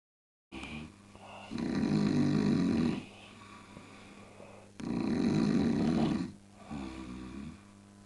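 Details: Snoring after a drinking party: loud, rattling snores on two long in-breaths, each about 1.5 seconds, with quieter breathing between, in a small room.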